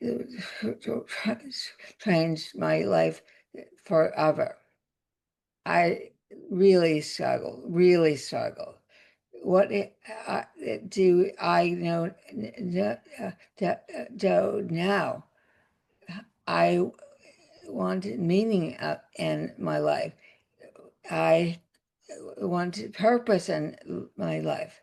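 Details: Adult woman with aphasia after a significant stroke that also caused paralysis; aphasia.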